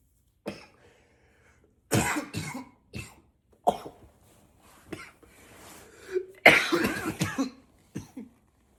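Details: Coughing fit: unstoppable coughing spell, person trying to stay quiet by coughing into a pillow, a series of muffled, stifled coughs still loud and powerful, ending in a loud, full, unrestrained burst when they stop holding back.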